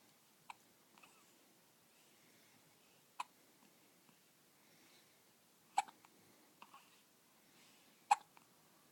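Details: Short, sharp hiccups at irregular intervals, about 26 a minute, in a quiet room, from a 2-week-old newborn with prolonged hiccups.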